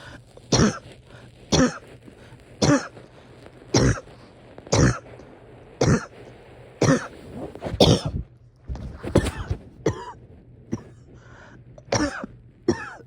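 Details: Person having a hard time resting or getting comfortable: about twelve harsh, regular coughs, roughly one per second, with noisy breaths between; repetitive cough with effortful breathing.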